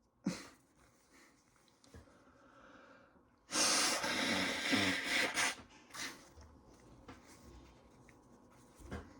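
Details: Sneezes after showering, from someone whose nose was itchy after a long day of working with plywood and sawdust.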